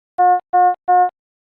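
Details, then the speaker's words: Three evenly spaced clear beeps: alternative Philips Efficia DFM100 medium-priority alarm, yellow background, for non-life-threatening conditions such as heart rate outside high or low limits, needing prompt response. "a medium priority indicates a non-life-threatening condition such as when the heart rate measurement violates the high or low limits and requires a prompt response the alarm message displays with a yellow background and sounds like this or this"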